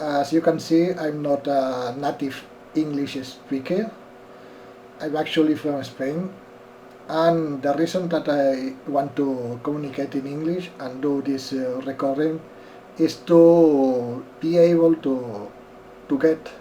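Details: Dysarthria in an adult man in his first week after onset of left-sided Bell's palsy caused by an acute middle ear infection, with left lip paralysis and a numb tongue; p, b and v are hard to produce; facial nerve palsy dysarthria.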